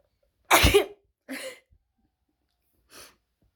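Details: Sneeze: one loud explosive burst followed by two smaller, fainter trailing bursts.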